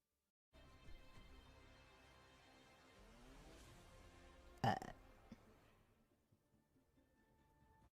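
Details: A Twitch streamer during a gaming stream: a long, drawn-out throaty belch, then a brief louder burst, over game music; burping.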